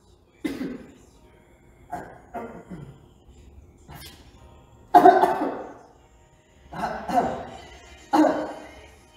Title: Omega X cough